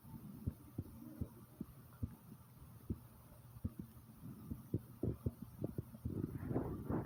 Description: listen to my heartbeat pounding like comment subscribe and enjoy ❤❤ #heartbeat #subscribe